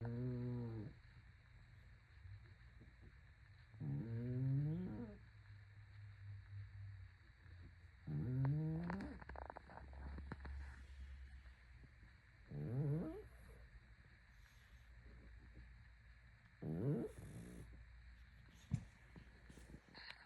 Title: How can such a loud snore come out of this precious little girl? #beautiful #blackpug #mygirl #pug